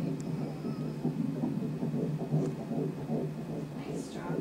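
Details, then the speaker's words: Normal, strong fetal heartbeat on ultrasound Doppler during a scan: rapid, steady whooshing pulses at about 150 a minute. "strong heartbeat."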